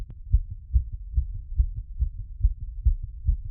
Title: Post workout heartbeat plus squats after #cardiophile #exercise #auscultation #heartbeats